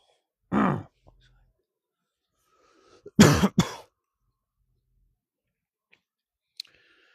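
An adult gives three short, harsh coughs, a single one then a quick pair, with no rattle of phlegm, a dry cough, in a quiet space.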